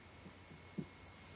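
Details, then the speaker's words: Three soft, hollow taps of abdominal percussion in a physical exam by a nurse practitioner student, over a steady low hum: a normal tympanic note. "so we would perk us in all four quadrants and this one you want to hear timpani"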